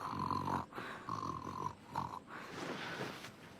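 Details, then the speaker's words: Acted snoring in a TV drama scene, where a sibling wakes the snorer: repeated nasal snorting breaths in short bursts, with faint room noise between them. "Porque no me dejas dormir con tus ronquidos."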